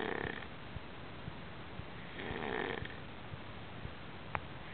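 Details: Snoring during sleep: two drawn-out, rattling breaths about two seconds apart over low room noise.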